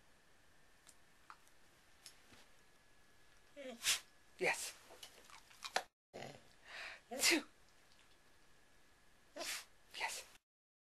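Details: Several short, hissing bursts of air in two groups against quiet room noise, consistent with repeated sneezes.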